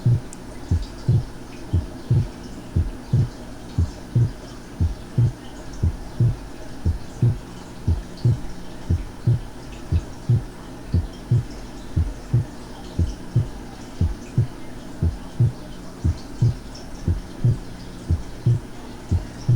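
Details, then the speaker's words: Physiological inspiratory splitting of the second heart sound, simulated with slow breathing. S2 is single or barely split in expiration and splits into two audible components on inspiration, as right ventricular emptying is prolonged. "escuchemos el desdoblamiento inspiratorio del segundo ruido tal como ocurriría con la respiración lenta perciban los dos componentes del segundo ruido"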